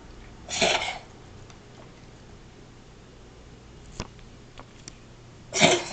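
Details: Cat with a strange cough, possibly wheezing: two short, harsh, hissy expiratory bursts about five seconds apart in a quiet room.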